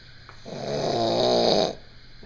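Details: Sergeant asleep in army barracks snoring loudly: a single drawn-out, rattling, buzzing inspiratory breath over faint room noise; snoring.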